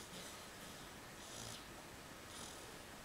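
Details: Pitbull lying on a couch with a pillow, tongue sticking out, loudly snoring and fidgeting in sleep; rhythmic, breathy snores about one per second with noisy airflow.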